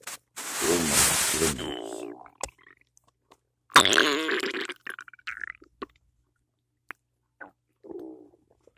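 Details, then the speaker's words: Loud gurgling, bubbling stomach rumbles with short squeaks and pops between quiet gaps in the morning after cereal with peanut butter and coffee; normal borborygmi. "I had cereal with peanut butter is that why my stomach's looking on my nose and a cup of coffee"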